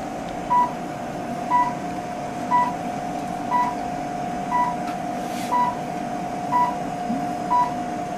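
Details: Therapy laser unit giving an even electronic beep about once a second (~60/min) over a steady hum during bio-stimulation laser treatment for plantar fasciitis, applied along the calf (gastrocnemius, soleus, posterior tibial, peroneals) while the patient slowly moves the ankle.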